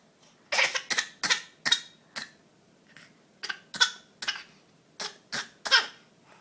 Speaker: you have a cough mm mm oh do you have the same cough I do you do or are you just copying mom